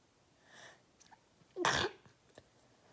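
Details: Deliberately induced sneeze from a tickly nose: a soft in-breath, then one short explosive burst through the nose and mouth; a single sneeze.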